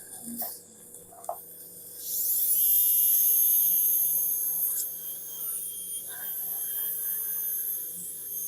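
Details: Live guided implant surgery replacing teeth 25, 26 and 27 (implant 4.5 x 18, TS3): high-pitched whine of a dental handpiece rising to full speed and holding steady, with quiet room noise and clinking.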